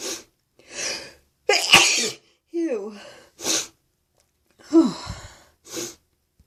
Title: Holy build up sneezes!